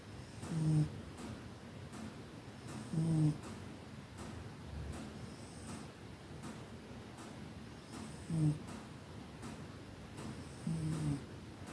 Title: Cat snoring during his afternoon nap.😴💤 I'm glad I was there. #cat #snoringcat #snore #mycat